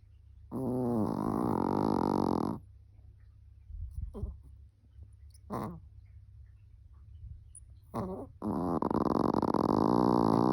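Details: Small dog Peanut, still snoring three years later: long, rattling, buzzy snores with short snorts and sniffs between them in a quiet room; snoring.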